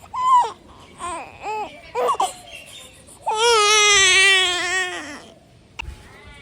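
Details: Young infant with colic pain, uncomfortable and sleepless since 4 a.m. after a night awake, held on the shoulder: several short fussy cries, then one long, loud, strained wail typical of colicky crying.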